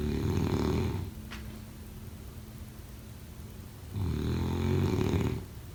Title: Snoring sounds